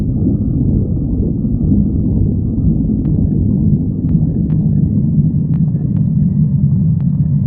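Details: Stomach growling (borborygmi): continuous low rumbling gurgle with a few faint clicks, from gas and fluid moving through the gut.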